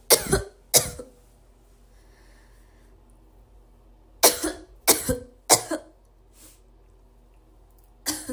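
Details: Person with a repeated dry cough: six harsh coughs in irregular bursts, a pair, then three, then one more, with quiet pauses between.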